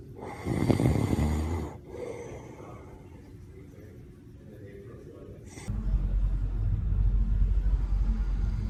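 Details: Adult man, a father, snoring while tired and asleep as his daughter, back from school, calls him: deep, low rumbling breaths with a snorting quality against a noisy background.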